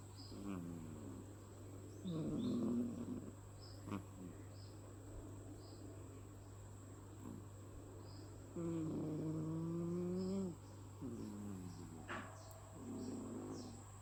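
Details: Cat asleep, giving repeated tonal, whistling snores over a steady low background hum; owner worries the snoring may signal ill health: snoring.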